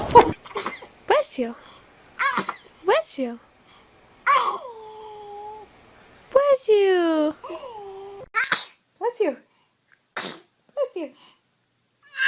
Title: Funny Babies Sneezing Video Compilation - Funny Cute Baby